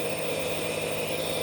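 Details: Steady, even mechanical hum of a nebulizer compressor running without breaks or pitch change, during a child's breathing treatment given for coughing and bronchitis; nebulizer compressor running.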